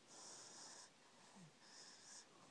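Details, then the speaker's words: Child asleep at night: two soft, hissing, slightly whistly breaths in a quiet room; light snoring, louder a few minutes earlier. "we have a snorer at least you're snoring"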